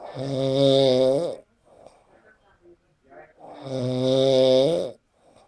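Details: Man sleeping after a party snoring: loud, drawn-out buzzing snores with quieter breaths between them.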